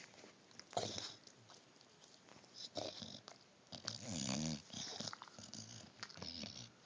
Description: Chubs The English Bulldog Snoring and Eating and Snoring Again!